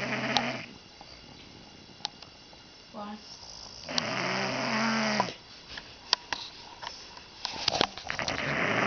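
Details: Irregular rough, rattling snores with clicks and mouth noises between them from a man sleeping deeply while drunk.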